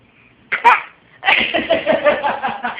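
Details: Deliberately faked sneeze: a short sharp sneeze-like burst followed by a noisy breathy run of sounds.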